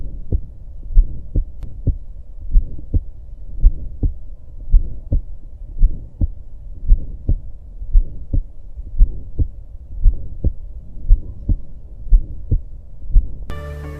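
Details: Aortic stenosis murmur.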